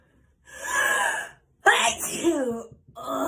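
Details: Simulated (acted) sneeze by a person: a breathy inhalation followed by a sharp voiced burst and a trailing vocal sound.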